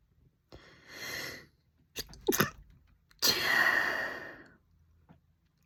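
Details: Drawn-out in-breaths from a female build to two or three forceful sneezes in quiet surroundings; repeated sneezing.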